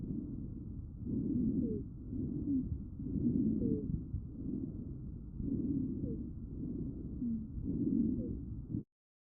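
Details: Wheezes recorded with StethoMe electronic stethoscope, classified by AI: breath sounds at about 28 a minute with brief musical squeaks woven in, continuous tonal sounds from airway obstruction.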